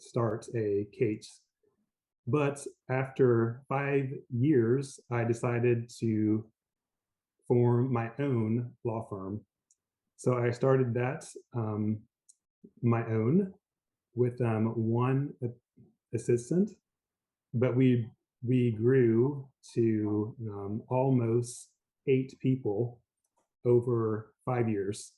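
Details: Mild, recovering aphasia after a stroke in an adult man, initially global aphasia able to say only yes.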